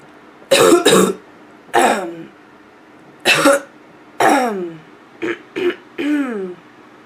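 About eight harsh, hoarse cough bursts, some in quick pairs, with a rough barking quality.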